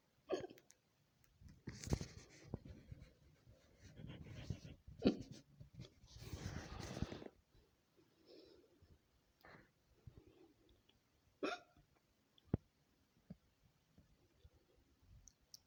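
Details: A woman's hiccups edited together as a collage: short, abrupt, jerky breath sounds recurring over several seconds amid soft breathing and rustling; hiccups.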